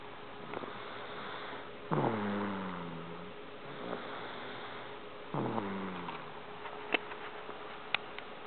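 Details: Two tonal, falling snoring sounds from a sleeping infant girl over steady room hum; snoring.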